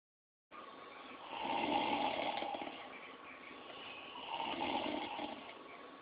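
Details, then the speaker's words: A male sleeper snoring loudly, said to get louder: two loud, rough, rattling snores on the in-breath about three seconds apart, with a faint steady hum behind them. "Wait till it gets louder. This boy is over here calling the hogs, and they have the nerve to talk about me snoring."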